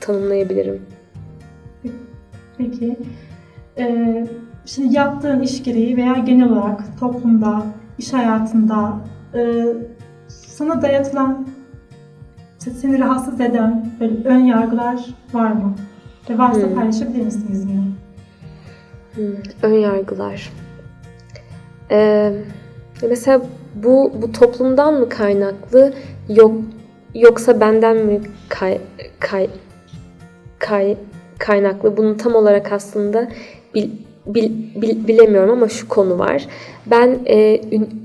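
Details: Stuttering in an adult woman.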